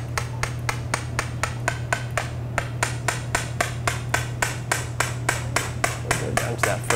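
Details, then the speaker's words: Series of sharp, evenly spaced metallic taps over a steady low hum: a mallet driving a punch into bone for a lateral-row suture anchor during arthroscopic rotator cuff repair with BioBrace implant augmentation, arm abducted. "Okay, so we're going to punch for our Lo anchor"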